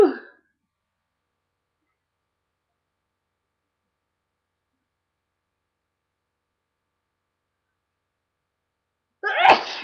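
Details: Series of loud sneezes with a little nose blow; a sharp, loud sneeze bursts out after silence, following the tail of another; sneezing.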